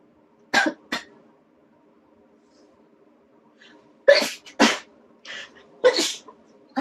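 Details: Sneezes induced by a nasal swab test in a young Taiwanese woman: several sharp, explosive nasal bursts over a faint steady hum.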